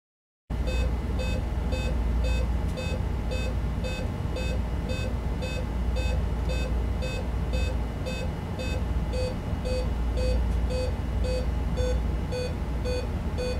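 Steady repeating electronic beeps, about two a second, over a low constant hum; a simulated patient monitor alarm during bronchospasm.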